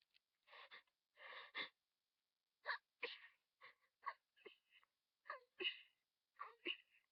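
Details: A rapid run of about a dozen short, sharp sneezes in quick succession, the middle of a fit triggered by sniffing flowers in a vase; repeated sneezing fit.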